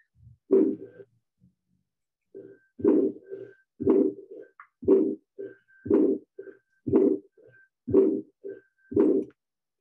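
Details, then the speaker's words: Recorded teaching case: a regular heartbeat near 60 a minute with a harsh crescendo-decrescendo systolic ejection murmur at the right upper sternal border, consistent with aortic stenosis. "so what we're trying to determine by listening is to a harsh crescendo decrescendo systolic ejection murmur at the right upper sternal border yes this would be aortic stenosis"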